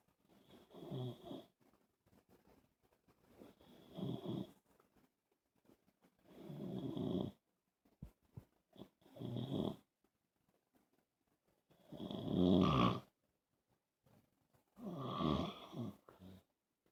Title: Snoring man suffering from Sleep Apnea